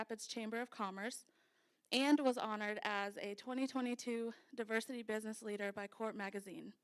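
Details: Adult woman speaking; typical voice.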